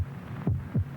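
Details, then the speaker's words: Heartbeat sound from a television commercial, stated as a human heart beating 72 times a minute: two low, soft thuds forming one lub-dub beat against a faint hum, a normal heartbeat. "This is the sound of a human heart. It will beat 72 times in this minute."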